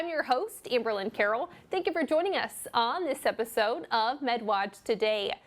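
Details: Adult woman, presenter; typical speech.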